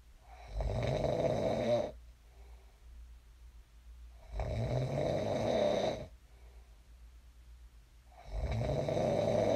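Loud, rough snores about every 3.5 seconds, with quiet exhalations between them, roughly 17 breaths a minute.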